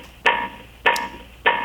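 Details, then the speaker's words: Philips OnSite AED demonstration: CPR metronome of steady sharp electronic clicks about 100 a minute, pacing chest compressions two inches deep with the heel of the hand at chest centre between the nipples. "push the chest down firmly two inches time with the beat so it has the metronome to follow in terms of CPR"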